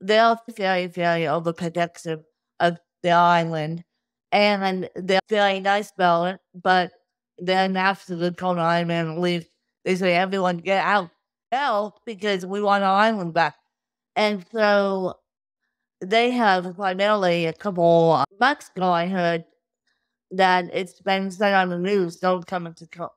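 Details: Adult woman with cerebral palsy since birth, caused by lack of oxygen at birth; she reports difficulty speaking, sitting up and feeding herself, and tires easily: dysarthria in cerebral palsy.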